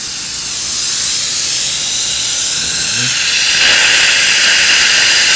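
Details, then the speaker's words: Loud continuous hissing water spray with suction as a patient's etched teeth are rinsed during orthodontic indirect bracket bonding, the sound growing slightly brighter midway. "And then I just rinse them really well. See, we're getting somehow or another still leaking here."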